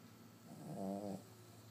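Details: Snoring from a small sleeping dog that is a house guest, described as snoring very loudly, louder than everyone else in the house.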